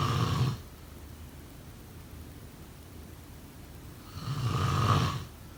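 Deep, rumbling snores on inhalation, spaced about four seconds apart, with a faint steady hiss between them. Ordinary snoring in sleep.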